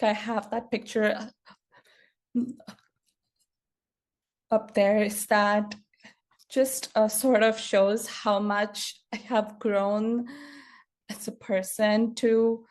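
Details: Adult woman who has stuttered since childhood, which she says speech therapy did not improve; stuttering heard in her speech.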